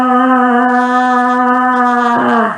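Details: Adult sustained vowel; Voice instability with voice breaks.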